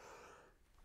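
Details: A single sudden, breathy, hissing burst of air fading within half a second in a small quiet room: a big sneeze from a speaker with a cold while recording a talk.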